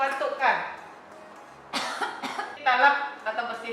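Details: In an acted chest physiotherapy demonstration, two or three short, harsh cough bursts from an adult patient follow a brief voiced sound, with voices nearby. Finding: voluntary cough.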